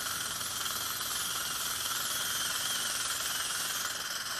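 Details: Ceramic one-piece implant osteotomy, upper right, healed sinus graft site from 8–9 months earlier, live patient: continuous loud whirring and hissing of implant drill with water irrigation spray.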